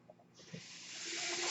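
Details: Steady airy hiss swelling louder over about a second: the speaker's own mechanical ventilator pushing air during a breath as he speaks.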